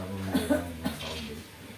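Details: Person undergoing ruqyah (Quranic recitation) for a cough: a few short, throaty, voiced cough bursts in a quiet room.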